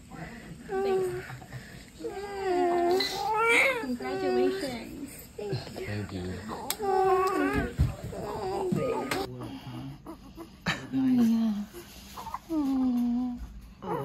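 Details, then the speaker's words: Newborn girl crying just after an unmedicated natural vaginal birth of a first baby, tickled to make her cry: strong, rising and falling cries with adult voices and soft music. "I'm just try to get her to cry just tickle in her"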